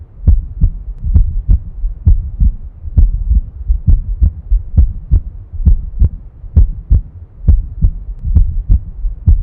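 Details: Normal first and second heart sounds (S1 and S2): steady paired lub-dub beats at about 67 a minute.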